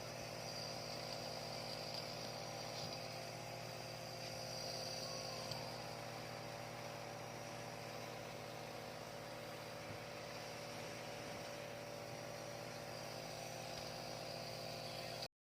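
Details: A nebulizer compressor running for a 2-month-old baby with a cold and cough: a steady mechanical motor hum with a constant buzzing drone.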